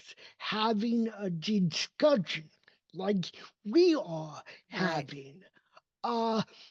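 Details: Adult male with cerebral palsy, a neurodevelopmental disability affecting his motor development and movement; real speech; dysarthria (cerebral palsy).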